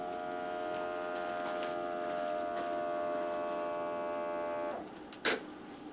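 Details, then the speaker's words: Automatic blood pressure cuff on an adult (172 cm, 63 kg, caffeine-fasting, no prescription medications) at rest before arterial tonometry: steady humming pump, stop, soft click and release; reading 108/70. "with that said then I will start the blood pressure machine and step out of the room so if you'll just relax okay"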